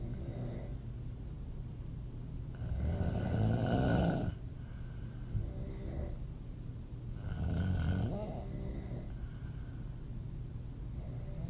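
Loud, rattling open-mouth snores on each breath in, about two breaths in eleven seconds, with quieter breathing between.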